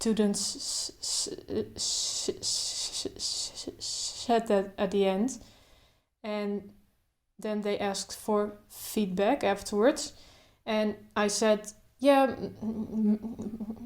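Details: Adult woman who stutters, speaking without trying to control her stutter, including blocks; stuttering.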